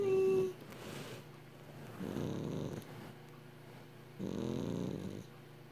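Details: 12-year-old Exotic Shorthair cat snoring softly and rhythmically while asleep, about 27 breaths a minute, with faint room hum; she was having little dream twitches; snoring.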